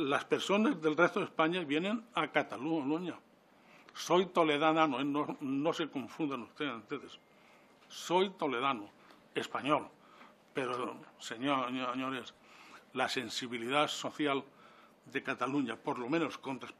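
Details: 69-year-old man with self-reported stuttering, speaking publicly in person before a parliamentary disability commission; he says stuttering makes him take longer to say things than to think them; stuttering.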